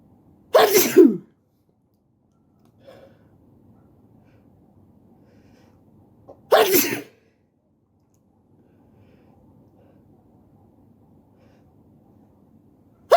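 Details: Two sharp, explosive sneezes about six seconds apart, each preceded by a brief intake, from a person sitting on the floor in a quiet room with faint rustling.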